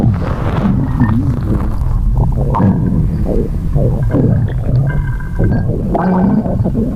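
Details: Continuous low gurgling and rumbling with squeaky, whining tones from an empty stomach growling.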